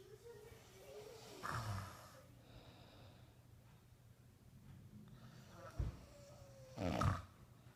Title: Daddy snoring